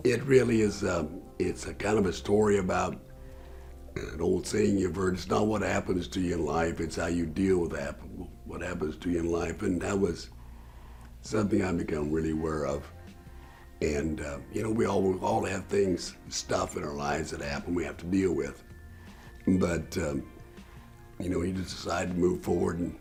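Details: Former rancher who had throat cancer in 2009 and his voice box removed in November 2009; used an electronic larynx, then had a voice prosthesis placed about four to five months later; tracheoesophageal speech after total laryngectomy.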